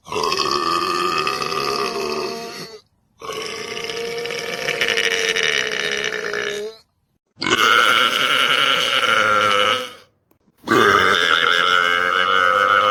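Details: Male belching: four long, loud, drawn-out voiced belches, each lasting a few seconds, with short pauses between; burping.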